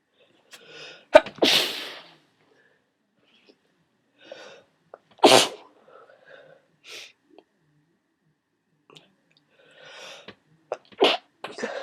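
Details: Person with a cold who had taken a strong decongestant: three forceful, wet-sounding sneezes, each preceded by a quick inward breath and followed by sniffling.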